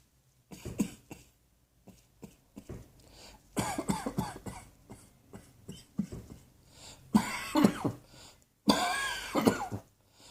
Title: Cross Dressing Coughing 15